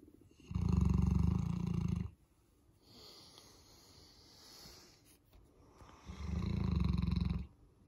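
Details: Boerboel, a large dog, sleeping in on a Monday morning and snoring: two long, loud, low rattling breaths about five seconds apart, with quiet exhalation between them.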